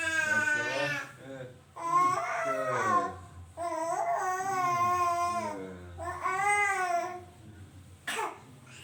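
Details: Infant crying in repeated long wailing bursts with breaths between them, ending in a brief sharp cough-like catch; crying hard enough to cause coughing, which the uploader says is normal.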